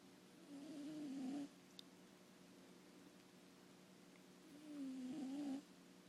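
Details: Two soft, buzzy, purring snores on breathing in, separated by quiet pauses in a slow sleeping rhythm; snoring.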